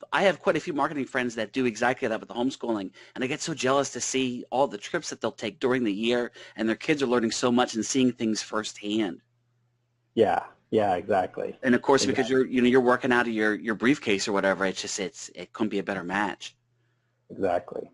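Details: Adult male speaker; no speech disorder.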